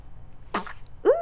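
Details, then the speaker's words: Single small, quick sneeze followed by a brief whimper in a baby girl less than one week old who also has hiccups; newborn sneezing. "sneeze. Make sure you're warm."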